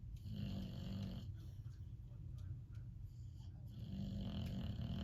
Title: Snoring Boxer